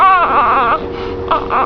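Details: Hungry baby girl, about to be fed: loud, rhythmic infant crying in short wailing bursts with brief pauses between them.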